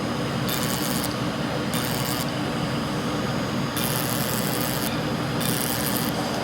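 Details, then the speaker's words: Fractional CO2 laser used as a controlled burn on a patient's facial acne scars after Halo treatment: loud steady hiss, likely smoke suction, with repeated harsh rasping bursts as the laser fires across the skin. "almost down on the side of getting burned yes it is we're doing the co2 you guys this is a control burn"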